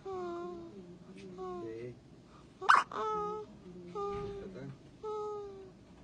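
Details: Baby hiccuping: a single sharp hiccup breaking through steady adult conversation in a small room; hiccups.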